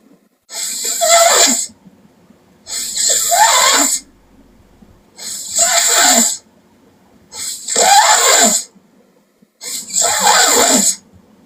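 Loud, rough snores with each breath, about five in eleven seconds, with quiet pauses between them: heavy snoring.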